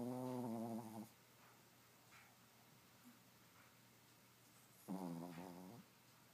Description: My Chihuahua Gizmo snoring.